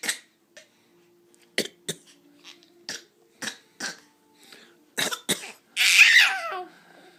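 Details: Young child gives a series of short, dry, deliberate coughs, imitating his dad's coughing.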